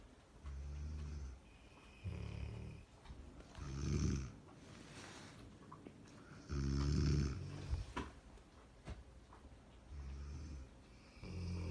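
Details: Labrador dog and a woman sleeping and snoring together: loud, low rumbling snores from more than one sleeper, repeating irregularly. Snoring.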